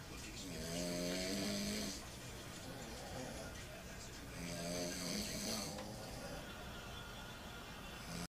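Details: Two sleepers snoring, compared for loudness: long, rattling, tonal snores on breathing in, about 16 a minute, with quiet breathing between them; ordinary snoring.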